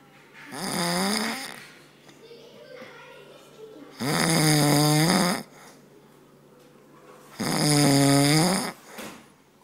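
Loud, rough, voiced snores about every 3–4 seconds, each lasting over a second, with quieter breathing between them.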